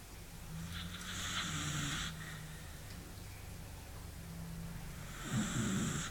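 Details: Pet beagle sleeping, snoring unusually loud and long: a long, low rumbling snore with a rougher, noisier snort near the end.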